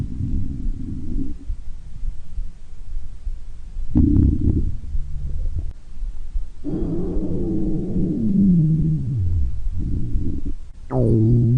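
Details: Low rumbling and gurgling from the belly with a falling, whale-like groan: ordinary stomach growling.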